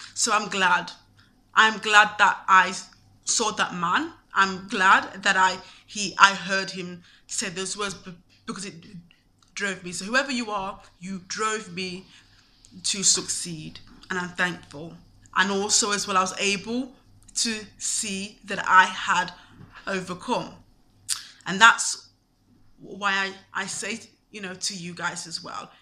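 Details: Stuttering (stammer) in a man, present since at least his university years.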